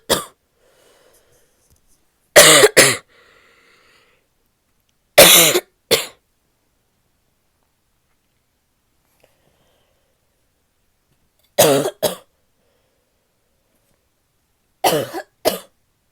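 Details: An adult woman gives about nine loud, harsh, barky coughs in short pairs separated by quiet pauses; barking cough.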